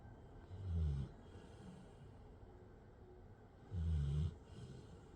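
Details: Dog snoozing and snoring: two low, rumbling snores about three seconds apart, with quiet breathing between them.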